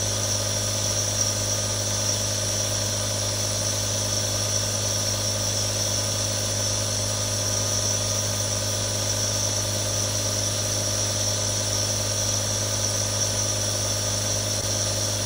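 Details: Real recording of a nebulizer running: a steady motor hum with a constant, unchanging hiss as the nebulizer runs normally.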